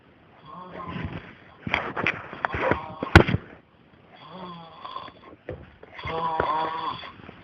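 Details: Person snoring: rough, rattling breath noises in repeated bouts with pauses between.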